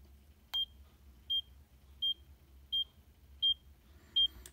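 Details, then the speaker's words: Check Me Pro handheld ECG held on the left palm with thumb and index finger on the sensors, 30-second recording: short high beeps per heartbeat, regular about 85 a minute; heart rate 85. "checking for the ecg right now it's has a 30 second calibration it's going to check for 30 seconds right now it's already reading your pulse rate at 80 minus 86.87"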